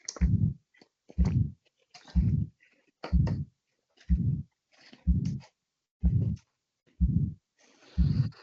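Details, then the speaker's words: Steady heartbeat about 62 a minute with a harsh crescendo whooshing murmur swelling and fading between beats: systolic ejection murmur of aortic stenosis, played as a teaching sound clip in a valvular disease lecture. "So if you listen to that again that whoosh that um that characteristic cresce"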